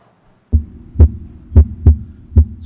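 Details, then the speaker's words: Normal adult heart sounds on an electronic stethoscope with waveform display: low, clean lub-dub, S1 and S2 clearly heard, no murmur between beats. "this is what you hear in a normal hot sound just the ldb sounds and you can see very clearly the S1 the S2"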